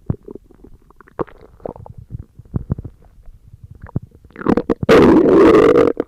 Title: You listen to stomach growling! (The last vid) Read desc!